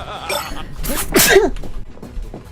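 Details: Vtuber during a live stream: one sudden, explosive sneeze with a quick intake of breath beforehand, over background music, followed by "excuse me"; sneezing.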